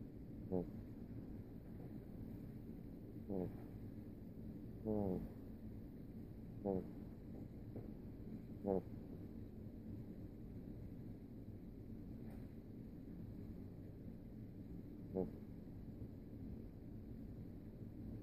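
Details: Pet goose snoring while asleep: short, squeaky, rising snorts repeating at uneven intervals over a steady background hum.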